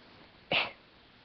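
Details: Dust-induced sneezing fit after cleaning a room: one sharp, breathy burst of air in a quiet room, a single sneeze.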